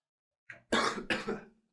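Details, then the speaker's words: An adult's coughing fit: a brief, harsh throat-clearing sound followed by two forceful coughs. "pardon me I hope you guys didn't hear that but I was just having a coughing fit"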